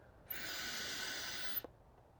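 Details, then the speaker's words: Incentive spirometer used incorrectly: a steady, breathy blow of about 1.5 seconds into the device. It should be inhaled through, so blowing out does nothing. "But we don't want to blow out. It didn't do anything. Oftentimes people are just trying to use this, and a nurse may give this to them and say, hey, use this every hour or every commercial, just blow into this. Well, you're not supposed to blow into it. You're trying to suck air in."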